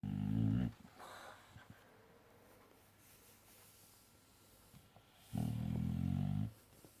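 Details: Boxer dog snoring in sleep: two deep, rumbling snoring breaths about five seconds apart, with quiet room noise between.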